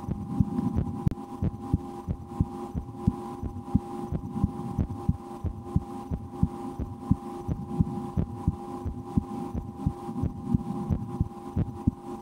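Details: Steady heartbeat, about 90 beats a minute, heard through a stethoscope on the speaker's own chest for ASMR relaxation, with a low hum and faint rustling; she holds her breath at times and plays a game to raise her heart rate; normal heart sounds.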